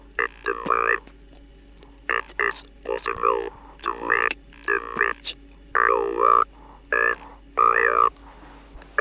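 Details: 1964 recording of speech after removal of the larynx: a buzzy, flat-pitched mechanical voice switched on and off in short bursts and shaped into words, made with an electric artificial larynx.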